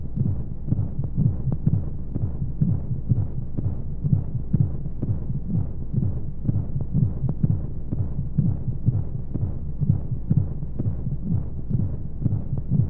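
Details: Womb-sound sleep aid for babies: steady muffled low thumps at about 42 a minute over a soft whooshing rumble of flowing white noise, a womb-style heartbeat sound.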